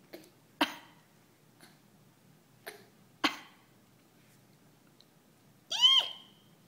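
An infant gives three short, sharp coughs with a couple of fainter ones, then a high squeal.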